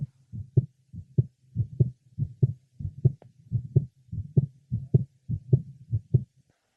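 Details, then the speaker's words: Pulmonic area of a patient with atrial septal defect and mitral valve prolapse: second heart sound split, not becoming single with expiration, plus a faint mid-systolic murmur; heart rate near 97 a minute; fixed split S2 with mid-systolic murmur. "listening over the pulmonic area the second sound is split and does not become single with expiration a faint mid systolic murma is also"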